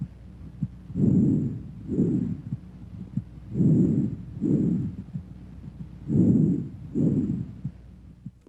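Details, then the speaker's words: Normal bronchovesicular breath sounds in a healthy patient, heard through a stethoscope: intermediate pitch and intensity, inspiration and expiration about equal in length, over three breaths. "bronco vesicular sounds have an intermediate pitch and intensity inspiratory and expiratory sounds are about equal in duration and a silent gap may or may not separate them"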